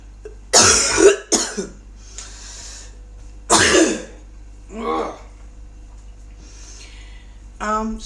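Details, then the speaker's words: Adult woman, unwell that day and exercising gently, gives two harsh cough bursts with throat clearing and brief voiced sounds between; cough with throat clearing, she mentions spitting up. "about this noise and coughing and spitting up guys i can't help it today i'm not feeling too good"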